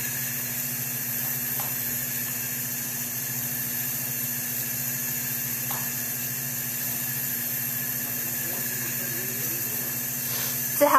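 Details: Large volume nebulizer running on the bedside wall oxygen outlet, flowmeter set at 1–15 L/min, with large-bore tubing to an aerosol face mask, demonstrated: steady hissing flow with a low hum.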